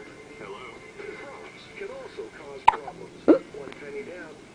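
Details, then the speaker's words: Newborn girl's first hiccups after birth (she hiccuped constantly in the womb): two sudden, sharp little catches amid soft fussing and a background television. "has her first hiccups on the outside. Oh my. Hi, my little hiccuper."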